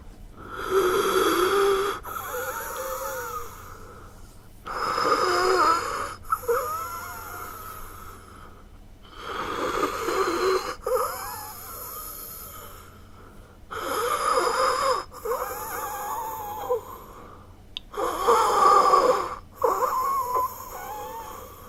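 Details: Heavy, labored breaths with musical whistling wheezes on each breath, about 14 breaths a minute; sound-effect recording of wheezing.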